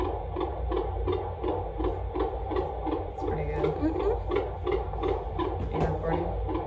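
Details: Rapid, regular whooshing pulses of a fetal heartbeat on Doppler, about 160 beats a minute, within normal range, in a pregnancy with a girl; baby very active and moving away from the probe during the prenatal visit.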